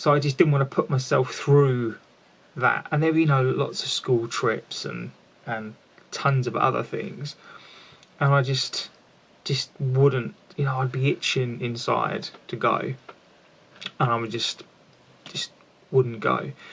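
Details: Stuttering (stammering) in an adult man speaking about his own stammer.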